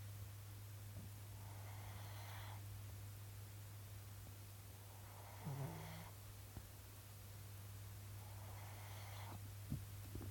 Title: Wandering dog snoring in my house